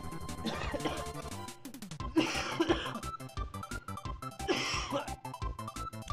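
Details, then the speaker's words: Adult, sick for the past week, deliberately coughing on a live stream: a few deep, thick-sounding coughs over loud background music; productive cough. "that nice and thick yeah i've been kind of chunky um thank you for covering your mouth is that not something people do yeah i was sick i've been sick for the past week"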